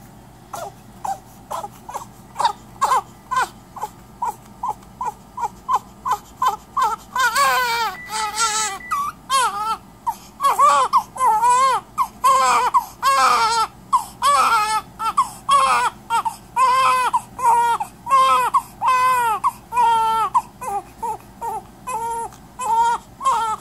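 An infant makes repeated high, squeaky, musical breath noises, then cries with similar harsh noisy breaths between cries.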